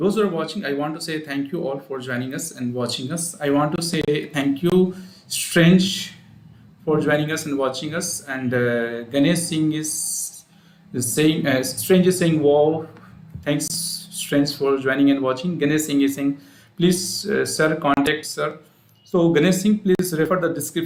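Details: Adult man speaking; Unaffected speaker.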